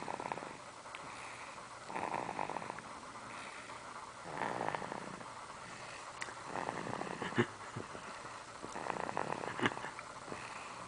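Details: Soft, rhythmic rasping breaths about every four to five seconds in a quiet room: gentle snoring during a nap.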